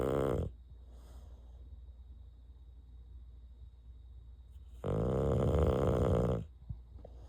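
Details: Bulldog snoring after lights out: a short snort, then loud, long, rough snoring, with a quieter breathing pause before it.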